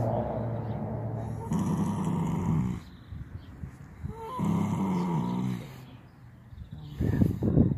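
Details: Long, rumbling, low snores from a horse resting lying down, with quieter gaps between breaths: ordinary snoring during rest.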